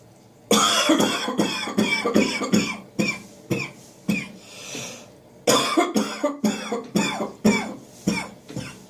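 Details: Morning coughing in someone whose chest reacts to cold, damp early-winter weather: two harsh, rapid coughing fits of about sixteen coughs in all, with a strained gag-like sound between them.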